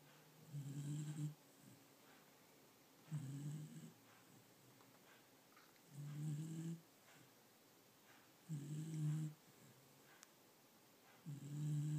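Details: Pet said to snore like a human: five low, rumbling snores at regular intervals, about 22 a minute, with quiet breathing between, in a small room.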